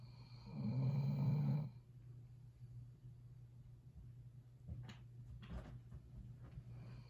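A low, fluttering snore on one breath, then quieter sniffs and soft breathing over steady hum; a sleeping dog snoring.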